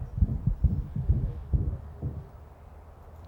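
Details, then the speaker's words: Rapid low heart thumps with a brief high, squeaky musical tone, classified as a squeaky murmur, generally meaning a mitral valve defect; recorded from a veterinary patient, presented after grade three murmur examples. "it's not a squeaky toy inside the patient I promise it's not it's just we classify it as a squeaky murmur it's amazing isn't it"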